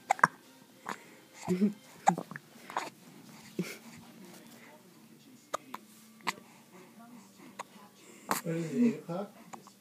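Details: A little boy with hiccups: short, sharp, repeated hiccup sounds at irregular intervals, with soft talk in a quiet room; ordinary hiccups.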